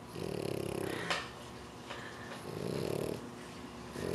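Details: French Bulldog napping in his favorite position: low, buzzing snores, about two breaths in four seconds, with a snorting catch between them; ordinary snoring.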